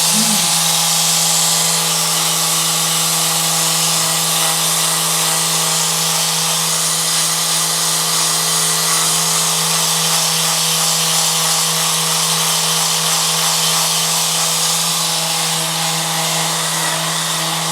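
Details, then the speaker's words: Steady, buzzing low hum of a handheld chiropractic vibration therapy instrument running continuously at 170 to 180 Hz, used as vibration rather than percussion to break up scar tissue, on a female patient with right TMJ, severe back pain and digestive complaints, with faint background music. "welcome polish vibration therapy 170 hertz frequency to 180. it's vibration therapy not percussion the idea is to break up scar"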